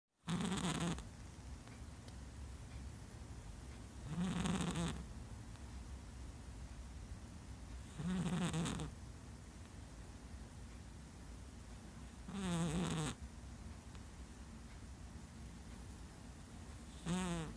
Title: Not so dainty snores